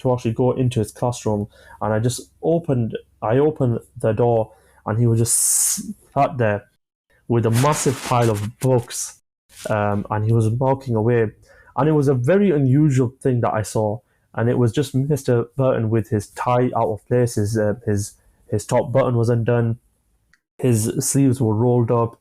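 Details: Adult man, 25, with a stammer since early childhood (after an asthma attack), who manages blocks with breathing techniques and pausing; stammering.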